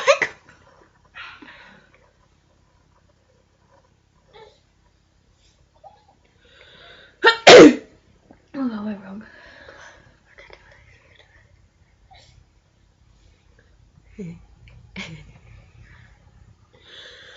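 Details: Sneeze deliberately induced by poking something up the nose for a sneezing challenge: a single loud, sharp sneeze among quiet talk and small sounds in a room.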